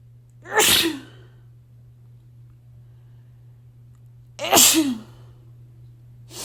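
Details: Dust-triggered sneezing: two loud, abrupt, explosive sneezes about four seconds apart, against a quiet low hum.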